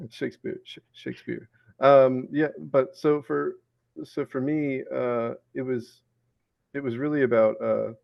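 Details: 34-year-old man with Tourette syndrome and ADHD, with an involuntary repeated word produced mid-sentence during conversation: vocal tic (Tourette syndrome).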